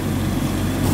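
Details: EE-OXY++ PSA oxygen concentrator (93% O2, flow settable 5, 8 or 10 L/min) at optimum concentration, delivering oxygen through a humidifier bottle to a mask: steady low motor hum with even rushing air noise.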